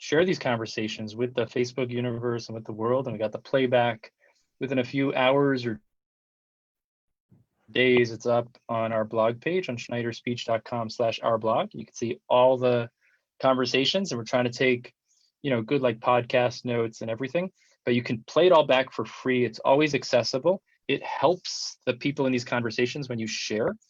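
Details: Adult male speaker; ordinary speech.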